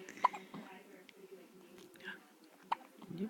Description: Little baby used to have the hiccups all the time in mommy's tummy. These were the first real hiccups since she has been born.